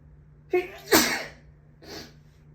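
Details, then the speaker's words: Allergy sneezing fit in a person: a sharp inhaled build-up, then a forceful sneeze and a softer second burst. "Bless me. I have to sneeze."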